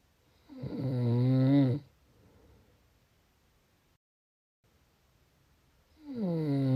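Snoring: a drawn-out, rising snorting snore, a few seconds of quiet, then the next snore begins.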